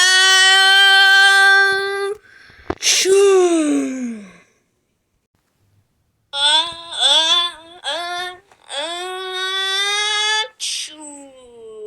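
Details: A child's sneeze: a high voice holds a long note, then one sharp sneeze burst trailing into a falling voiced tail.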